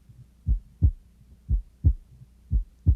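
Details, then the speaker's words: Teaching case: regular heart sounds at about 60 a minute, second sound splitting on inspiration and not on expiration; physiological split S2, a normal finding. "so again we heard a split s2 on inspiration"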